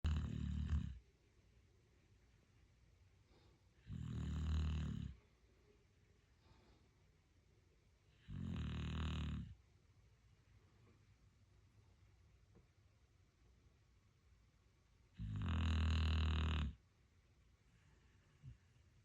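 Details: Sleeping dog snoring peacefully: four deep, rumbling snores on breathing in over about nineteen seconds, with quiet pauses between.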